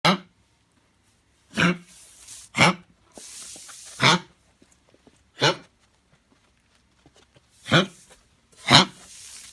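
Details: Dog with repeated snorting inward gasps, roughly one a second in bursts. Reverse sneezing recurred many times one night when guests visited, phlegm came up, it seemed distressing, and it subsided next day.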